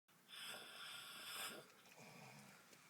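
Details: Man passed out asleep in a truck after a night of drinking, snoring: a loud, harsh, rattling breath sound lasting over a second, then quieter breathing.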